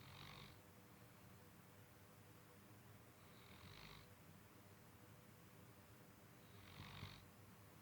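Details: Soft, faint snoring breaths about every three seconds under steady background hiss; quiet snoring during sleep.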